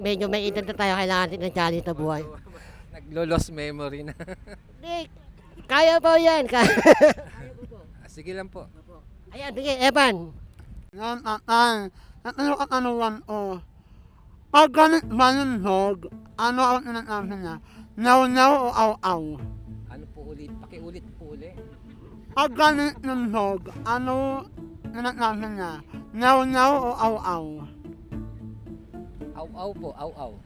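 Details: Filipino show host described as ngongo (nasal-speaking), asking a quiz question in Tagalog during an outdoor interview game; hypernasal speech.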